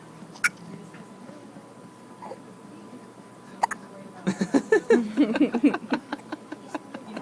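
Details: Baby boy with hiccups: sharp, brief isolated hiccup sounds followed by fussy infant vocal sounds.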